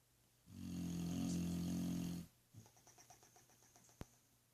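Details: Snoring during sleep: a loud, rough, low rumbling snore lasting about two seconds, then softer rattling breaths and a sharp click.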